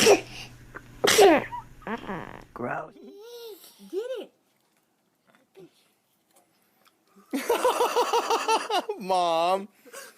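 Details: Several short, high sneezes from a baby girl sitting up, amid baby babble and family chatter at a gathering, with quiet gaps between; ordinary baby sneezing.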